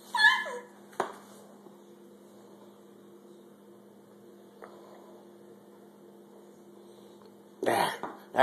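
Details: Child coughing: a few short, harsh cough bursts separated by quiet over a steady electrical hum; described as a bad cough, offered a drink for the throat.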